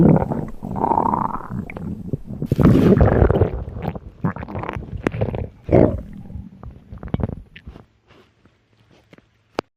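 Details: Simulated hunger stomach noises from a Gorilla Tag game character: irregular low gurgling rumbles and growls; a played-up imitation of stomach rumbling.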